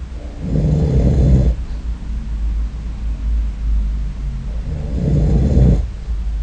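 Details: Snoring during sleep, recorded with a snore-recording app: two loud, low, rumbling inspiratory snores about four seconds apart over a steady low background hum.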